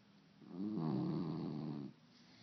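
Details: Sleeping puppy, loud snorer: one drawn-out, buzzing snore of a little over a second; ordinary snoring.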